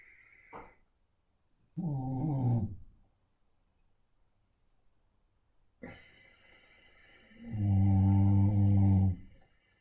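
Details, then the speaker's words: Sleeping dog snoring during a pranayama breathing session: two deep, rumbling snores several seconds apart with faint background hiss and soft tone. "I'm sure you can hear Frankie Frankie snoring not the most relaxing Frank Frankie"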